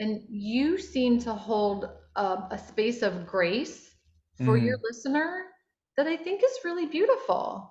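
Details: Adult woman speaking; Normal fluent speech.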